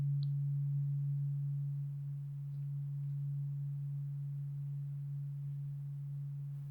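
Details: Role-played ASMR cranial nerve exam hearing test, eyes closed, binaural: tuning fork tone during a one-or-two tuning fork discrimination test, followed by a higher-pitched fork for pitch detection.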